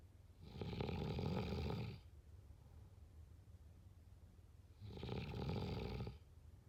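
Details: Snoring during sleep: two loud, rattling, fluttering snores on inspiration about four seconds apart (roughly 14 breaths a minute), with quiet breathing between.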